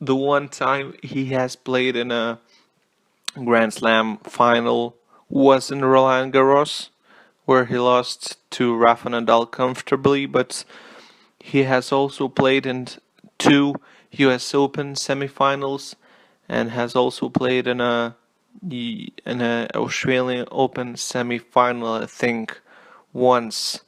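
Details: Adult male self-reported stutterer speaking English as a non-native language; word repetitions; stuttering.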